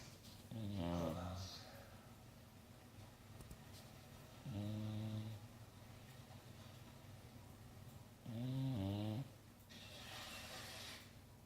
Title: Gator Snoring